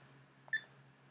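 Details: Single short electronic beep from a portable Holter heart monitor as a baseline ECG reading starts, over faint room hum; worn by a pregnant woman with POTS at her cardiologist's request.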